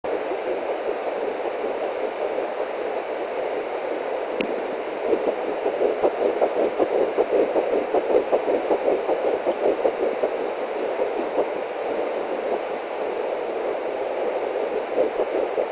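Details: Fetal heartbeat at 8 weeks 4 days of pregnancy on an Angelsounds home Doppler: fast, soft whooshing pulses through static, roughly 160 beats per minute.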